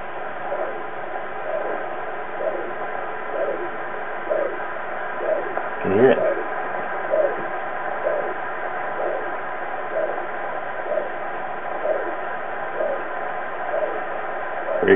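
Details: Fetal Doppler heart monitor on pregnant female boa constrictors due to give birth soon: soft, regular whooshes at about 60 a minute over a steady hiss that come and go and are hard to isolate. These are unborn baby boa heartbeats.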